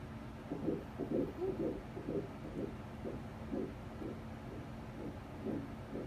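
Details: Rapid, even whooshing pulses at about 125 a minute on first obstetric ultrasound at 7 weeks, twin sacs with one empty, gestational sac 16 mm: first-heard fetal heartbeat.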